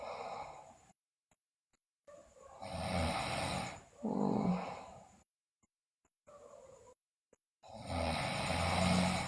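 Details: Sleeping girl snoring loudly, also described with bruxism and delirium: loud, harsh snores on each breath, about 13 a minute, with silent pauses between them.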